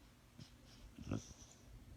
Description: There is nothing like the sound of your beloved Bulldog sleeping and snoring contentedly away...